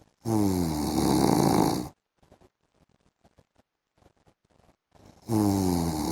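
Loud, rattling inhaled snores with a low buzzing tone, separated by a quiet pause with faint small sounds, typical of snoring in sleep.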